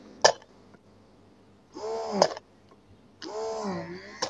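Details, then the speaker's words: A hands-free electric breast pump: a sharp click, then longer whining suction strokes each ending in a click. "Jadi hisapan pendek hisapan panjang juga 8 kali hisapan pendek satu hisapan panjang ya"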